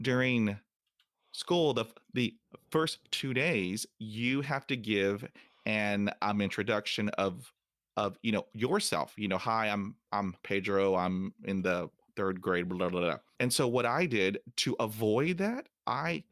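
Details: Man who says he has stuttered since age five, with word and part-word repetitions; stuttering.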